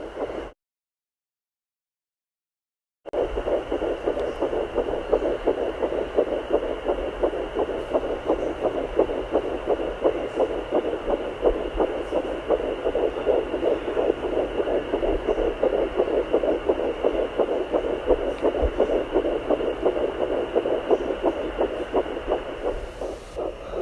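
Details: Fetal heartbeat found with a home fetal Doppler at 10 weeks pregnant: rapid, regular whooshing pulses near 170 a minute, after days of mistaking the slower placental sound for it.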